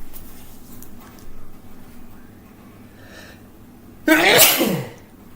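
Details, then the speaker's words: Quiet breathy intake, then one loud, sharp sneeze in a small room, one of many repeated sneezes while recording a podcast. "sorry I sneezed million times I'll try and edit this out"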